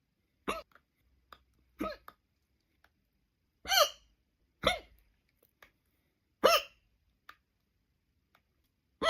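Six sharp voiced 'hic' sounds at irregular intervals, about 22 a minute, in a quiet room. These are repeated hiccups.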